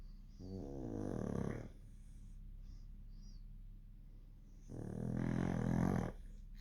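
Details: Dogs snoring in sleep: two long, low, rumbling snores on the in-breaths, about four seconds apart.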